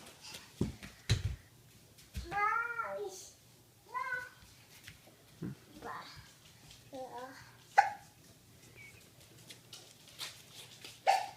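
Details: A child has hiccups during filming: several sudden, sharp gulping clicks at irregular intervals, with brief child vocalizations and low room hum between them. Hiccups.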